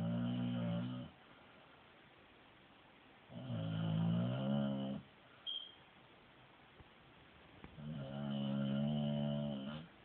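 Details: Three drawn-out, droning snores about every four seconds with quiet pauses between, much like a person snoring, from a female dog snoring in her sleep.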